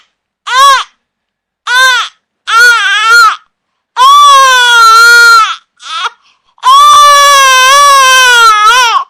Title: BABY CRYING SOUND EFFECT 4K , BABY CRYING SOUND EFFECT 8D ,BABY sound